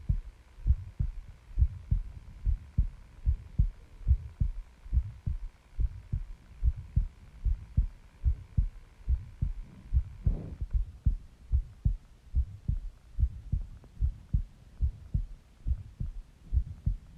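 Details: Own heartbeat recorded with listener lying on the chest while the person was dozing; regular soft heartbeat about 72 per minute with a faint steady hum that stops partway; breathing and stomach growling also featured; normal heartbeat.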